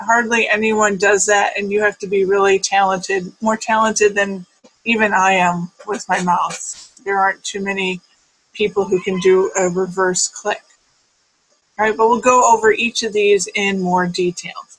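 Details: Adult speaker; ordinary speech.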